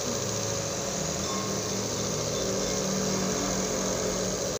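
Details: A nebulizer compressor running during a breathing treatment for flu and a cough that will not clear up, with a steady loud motorized buzzing hum and no pause.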